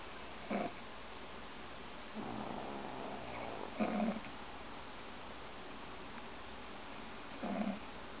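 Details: Two sleeping subjects; three soft snorting breath sounds over eight seconds against a steady background hiss; snoring during sleep.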